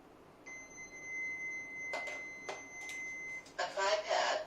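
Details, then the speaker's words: Portable AED (automated external defibrillator) switched on during a CPR and AED technique demonstration: a steady high tone and handling clicks, then the recorded voice begins giving its spoken instructions. "यह voice command के ऊपर चलती है इसके अंदर और जब आप इसको बैटरी को ऑन कीजिए और यह आपको देगी"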